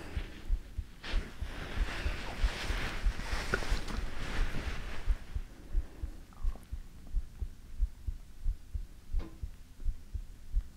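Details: ASMR heartbeat recording: steady low thumping heartbeat at about 90 beats a minute, with a soft hum and rustling at the start.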